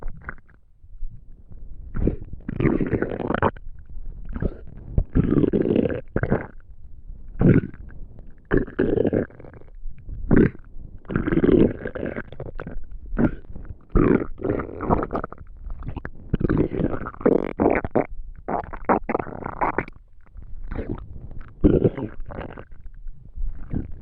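Repeated bursts of low gurgling and rumbling from the abdomen: ordinary bowel sounds of digestion.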